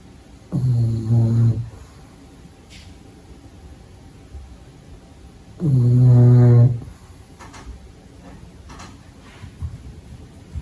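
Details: Two low, buzzing snores about five seconds apart, with faint room noise between, from a pug puppy sleeping during the day; ordinary snoring.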